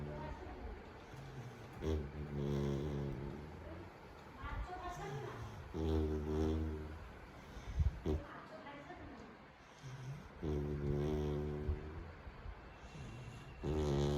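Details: Soft, low, buzzing snores every few seconds with quiet breathing between, from a Labrador puppy sleeping relaxed on a bed; snoring.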